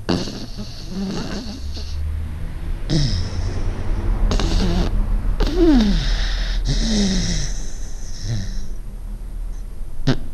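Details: Irregular low rattling breaths with whistling, squeaky sounds from a sleeping pet dog; snoring.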